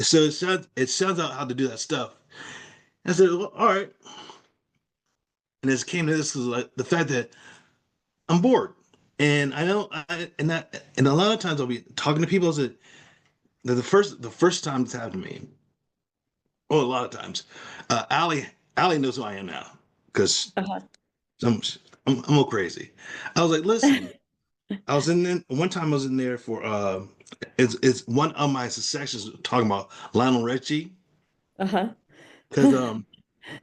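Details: Person with aphasia caused by a stroke; aphasia.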